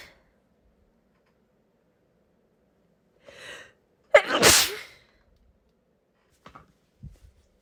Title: First sneeze video